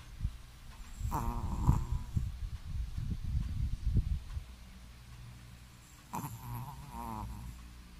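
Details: Loud, rough, irregular snorting snores from a sleeping Shih Tzu dog, louder than a person, with brief whining sounds in between; snoring.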